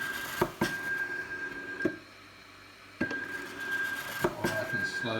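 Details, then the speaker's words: Homemade stepper-motor COVID-19 ventilator prototype with cam and worm-screw drive, respiratory rate sped up: motor whine and clunks cycling about 25 times a minute, with room noise. "stephen i'm using stepper motors now if i speed up the respiratory rate"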